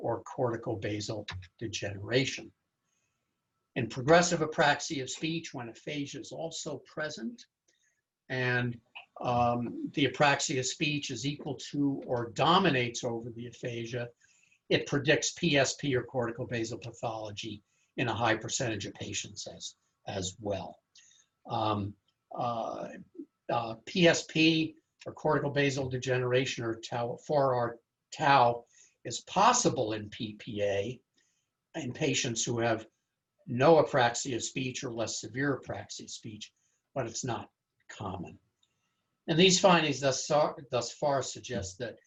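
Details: Adult male lecturer; typical speech.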